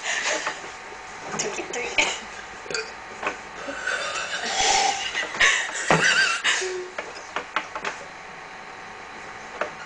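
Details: Two people in a burping competition, trying to burp the loudest and longest: several deliberate burps amid chatter and clattering dishes in a small room.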